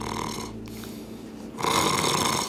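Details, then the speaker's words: Imitated nasal snore with a buzzing, fluttering quality, demonstrating the nose vibration of nasal snoring, as distinct from the blocked-throat sound of throat snoring. "이렇게 잘 느껴보면 코가 이렇게 떨리는 느낌이 있을 거예요 그건 코골이에요"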